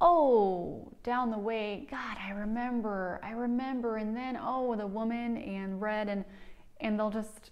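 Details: Speech therapist imitates Wernicke's aphasia, a fluent aphasia usually caused by stroke or head injury, with poor comprehension and lack of awareness of errors; fluent jargon speech; Wernicke's aphasia (imitated).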